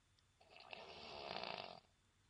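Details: Snoring at noon; a single rough, fluttering snore lasting about a second and a half on one breath.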